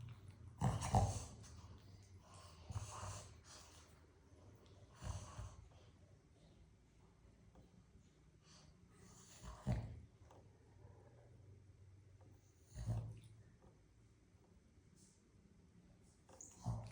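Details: A sleeping puppy makes quiet, irregular nasal snorts and snuffling breaths, about six bursts over seventeen seconds; snorting.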